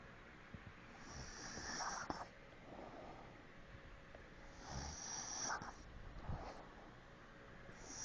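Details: Occasional, usually not loud snoring: two slow, rough breathing noises during sleep, about 4 seconds apart, with faint room noise.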